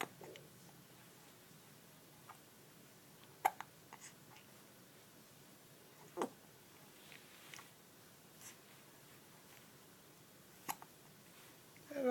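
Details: Little boy with hiccups: a few short, sharp hiccup sounds several seconds apart in a quiet room.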